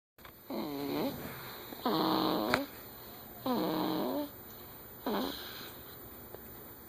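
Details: Newborn snoring: four high, squeaky, wavering snores in about seven seconds, whistling on each breath, around 35 breaths a minute.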